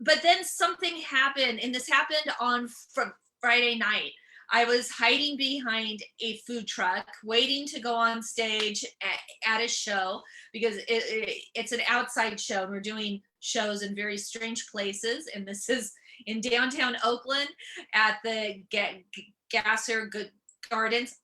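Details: Adult female comedian and author with real stuttering that began at age seven or eight, who also has dyslexia: stuttering.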